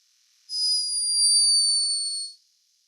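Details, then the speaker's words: Snore of a sleeping hummingbird recorded by a scientist in Peru: a thin, very high-pitched whistling tone lasting about two seconds, high-pitched but unmistakable snoring. "high-pitched but unmistakable snore"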